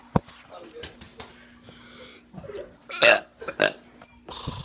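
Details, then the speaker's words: Teen doing several loud, rough voluntary burps, with soft breathy sounds between, in a small room, trying to burp and talk on a viewer's request. "i'm about to do some burps and talk because this one dude requested me to talk"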